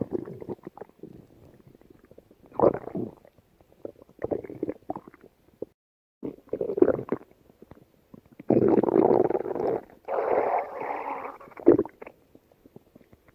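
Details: Pet rabbit belly sounds: repeated soft gurgles and longer rumbling bursts; normal bowel sounds from active gut movement.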